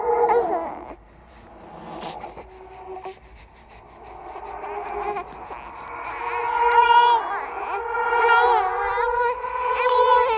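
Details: Horror sound-effect track of a simulated ghost baby: rising, wavering infant crying and whimpering with eerie background sound, created and edited for a horror audiovisual piece; infant cry.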